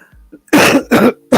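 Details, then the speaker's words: Two loud, harsh cough bursts in quick succession from an adult during a livestream, with the start of a third cut off; a plain cough. "Oh, excuse me. Sorry about that. I tried to catch it, tried to mute. Sorry about coughing."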